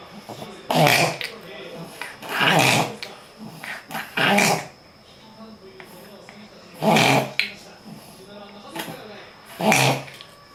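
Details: Dog with frequent, long-lasting episodes that owner wonders may be reverse sneezing: loud, harsh snorting inward gasps in bursts, about five over ten seconds.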